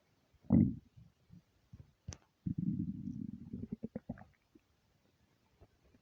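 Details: Empty stomach rumbling (borborygmi): low gurgling rumble with bubbling pops and a drawn-out growl; a normal sound.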